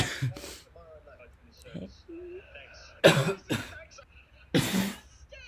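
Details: Several harsh, loud cough bursts from an adult recorded while very sick, separated by quieter throat sounds and faint background noise; a repeated cough.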